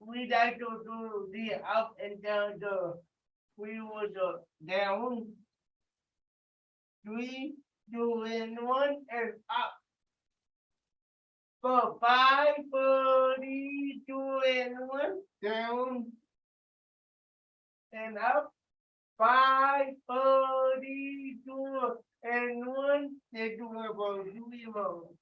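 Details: Adult with cerebral palsy speaking during a live group workout session, told to talk loudly; dysarthria (cerebral palsy).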